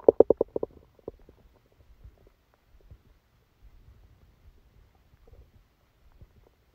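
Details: Bowel sounds recorded while sleeping with a stomachache after Christmas dinner: a quick run of gurgling pops, then faint scattered rumbles.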